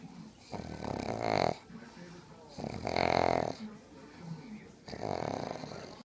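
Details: Pug snoring while asleep.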